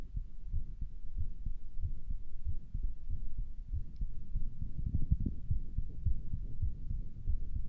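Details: Self-recorded stethoscope heartbeat that sounded weird to the listener, muffled and regular at roughly 90 a minute, with a low rumbling hum between beats; no distinct murmur stands out; possible murmur.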